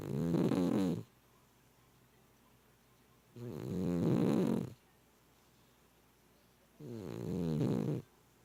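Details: A cat's steady rhythmic snoring, about 17 breaths a minute, each a low fluttering snore lasting about a second, with quiet pauses.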